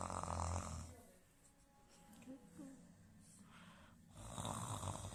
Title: jessy hates snoring sound